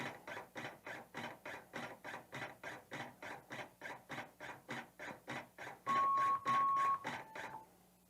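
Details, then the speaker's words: LUCAS mechanical CPR device demonstrated in 30:2 mode for use without an advanced airway: rapid even compressions at about 100 a minute, then a pause with tones for two rescue breaths. Automated mechanical chest compressions. "so we'll hit the 30 to 2 button and it will start its chest compressions after 30 seconds it will pause to give two breaths"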